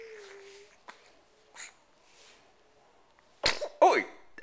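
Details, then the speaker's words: A baby boy's sneeze: quiet baby noises, then one sudden sharp sneeze followed by a short vocal burst. "a big one good sneeze sir you are figuring stuff out aren't you"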